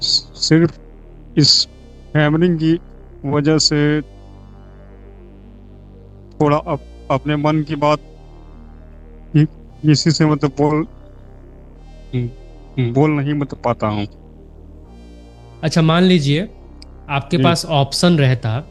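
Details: Participant in an online stammering-improvement class, speaking Hindi; stuttering.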